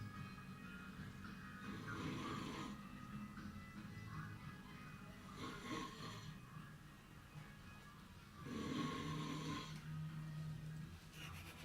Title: Skinny guy snoring hard